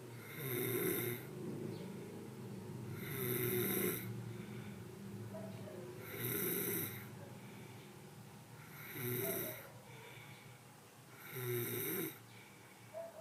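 Steady rhythmic snoring, five rattling snores at about 23 breaths a minute, with a faint background tone.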